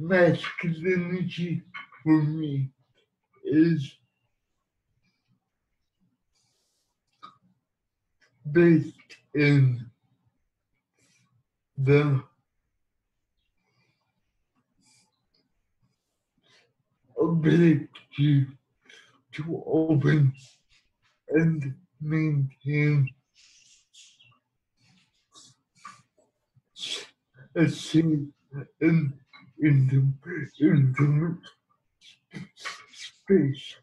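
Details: Dysarthria in a man who has lived with cerebral palsy for 37 years and uses a wheelchair; the speech impairment is not named but inferred from largely failed automatic transcription.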